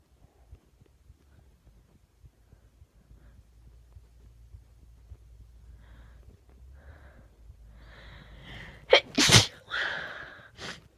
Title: Random induced sneezing :3